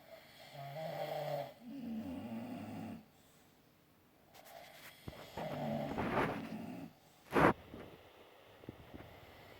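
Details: A sleeping bulldog snoring: loud, rumbling snorts on both breaths in and out, with a brief snuffle.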